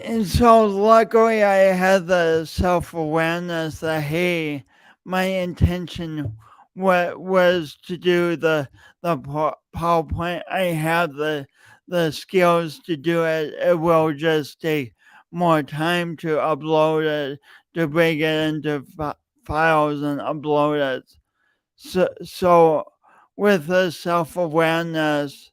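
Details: Adult male podcast host with a long-standing speech impediment he denied for years, present every time he speaks; repeated words throughout; stuttering.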